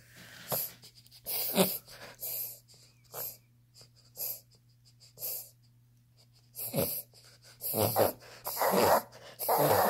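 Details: A dog has a reverse sneeze, as confirmed by a vet from this recording: repeated short, harsh snorting inhalations.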